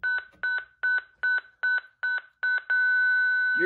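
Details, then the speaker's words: ZOLL X Series defibrillator charging to 70 joules for synchronized cardioversion in a demonstration: rapid repeated electronic beeps, then a steady continuous tone signalling charged and ready. "you're then going to press the charge button to charge the capacitor to 70 joules"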